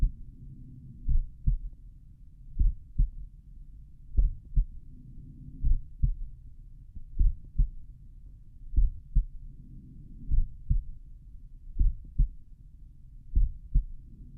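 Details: Own adult heart recorded at the mitral valve area with a stethoscope while lying on the back, playback slowed: clear evenly spaced lub-dub pairs over a low steady hum; heart sounds.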